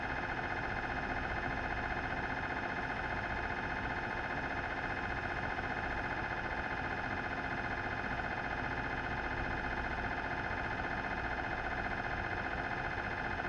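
Loud, steady, rapidly repeating mechanical buzzing at about 150 pulses a minute, the normal noise of an MRI scanner during imaging.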